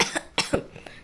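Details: Cough: three short, dry coughs from a child in quick succession, in a small room.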